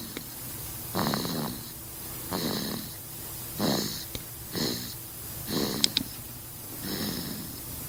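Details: Baby snoring: six rhythmic snoring breaths, about one every 1.2 seconds, with a soft rattling, slightly whistling quality; infant snoring.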